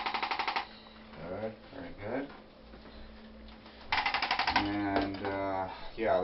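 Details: Two short bursts of rapid mechanical tapping from a handheld percussive Trigenics treatment gun on the hip/gluteus minimus region of a woman with painful snapping hip, during a maintenance visit, voices between bursts.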